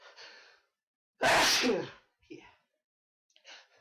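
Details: One of a long run of repeated sneezes: a single loud, explosive sneeze with a sharp inward breath before it and quieter breathing after.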